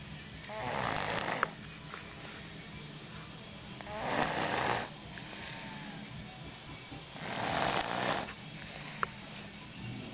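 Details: Snoring: three rough, fluttering snores about every three seconds, roughly 18 a minute, with faint background music.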